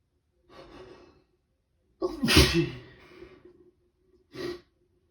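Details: On day 2 of a cold, a person sneezes in the morning on waking, in longer rapid fits than the day before, though feeling a little better: an in-drawn breath, a sudden loud sneeze, then a smaller one.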